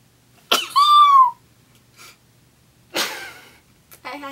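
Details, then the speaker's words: A sharp burst then a high, squeaky, tonal squeal and further brief bursts: unusual high-pitched sneezes that others say sound like a cat. "i'm an epic fail at sneezing like a normal person you sound like a cat i don't understand that everyone says i sound like a cat when i sneeze"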